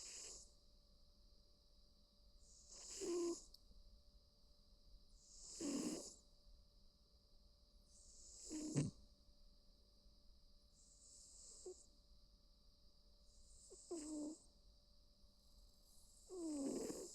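Soft rhythmic snores with breathy hissing, about 22 breaths a minute, over a faint steady room hum.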